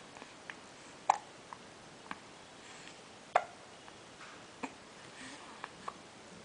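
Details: Infant girl about 2½ months old with hiccups: short, sharp hiccup sounds repeating irregularly every one to two seconds in a quiet room.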